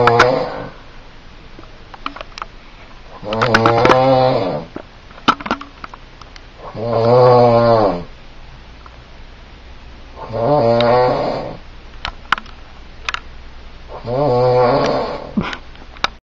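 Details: An adult man (father) snoring: loud, rattling snores recurring about every 3.5 seconds with quiet breathing between them, in a small room.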